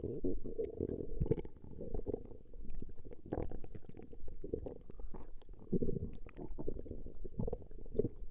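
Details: Recording of a woman's stomach growling: steady low gurgling and rumbling with bubbly pops throughout; ordinary borborygmi.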